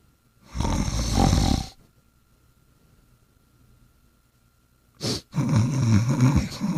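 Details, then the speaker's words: Snoring: two loud, low rattling snores separated by a quiet pause. "I got an idea I'm going to lay down on fet's tummy so that way fette will stop snoring"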